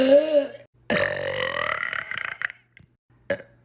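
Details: Clip from a burping compilation: two loud, drawn-out belches, the second long and rumbling, then a brief short belch near the end; ordinary eructation.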